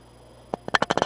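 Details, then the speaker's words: Bowel sounds auscultated over the abdomen of an adult male patient before nasogastric tube insertion in a teaching demo: a quiet pause, then a quick run of short gurgling clicks. "we're looking for hypoactive bowel sounds of course that's not what we want to hear but generally when they have a small bowel obstruction you are going to usually hear hypo out to the Boston's"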